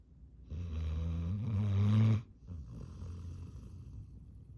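A loud, deep, rattling snore on the in-breath, followed by a softer out-breath; heavy snoring from a sleeping dog.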